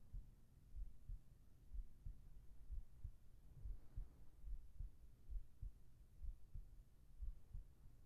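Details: Heartbeat recording for sleep ASMR with whispered voice: soft, muffled low thumps at about 65 a minute under steady hiss, calm regular rhythm; normal heartbeat.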